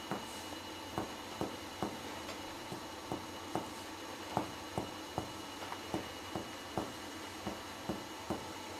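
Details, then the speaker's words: Finger-on-finger comparative percussion of a patient's chest, symmetric points, during lung examination teaching: about twenty taps giving a clear pulmonary percussion note, the normal sound over aerated lung. "над легенями ясний легеневий звук"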